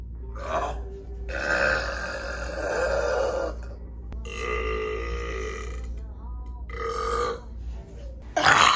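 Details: Several loud, drawn-out repeated burps in a row, made deliberately in a Walmart store, with faint music and room noise behind them.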